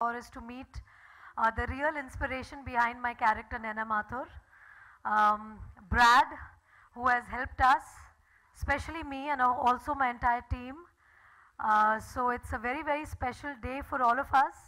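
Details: Adult woman; typical speech.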